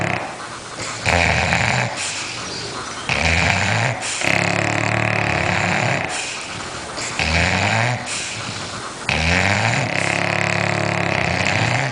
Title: Two snoring bulldogs